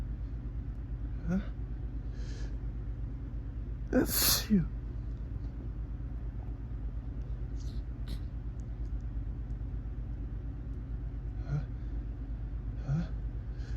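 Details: One forceful adult sneeze after a sharp in-breath, amid quieter gasps, over steady rumbling background noise; part of a morning sneezing fit set off by looking at bright sunlight through a window (photic sneeze reflex).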